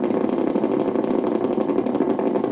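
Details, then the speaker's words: Needle EMG, first dorsal interosseous muscle, subject raising finger toward ceiling at moderate activation: normal motor unit potentials firing normally, with recruitment increasing as effort builds toward full interference pattern. "now raise your finger up to the ceiling now these are the motor units they are normal motor units the muscle is firing normally and this is at moderate activation"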